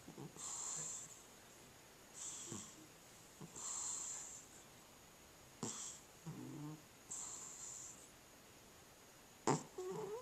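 Soft, high-pitched whistling snores with each breath in, about every two seconds, mixed with quiet breathy noises; ordinary cat snoring.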